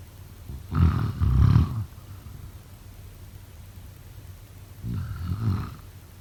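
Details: Heavy sleep snoring: two loud, low, rattling snores about four seconds apart, each split into two pulses, in a quiet room.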